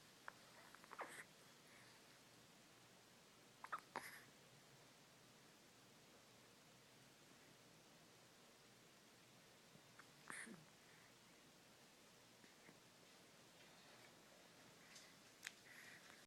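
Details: Baby hiccups recorded in close-up: four faint, sharp catching sounds over about sixteen seconds against quiet room noise.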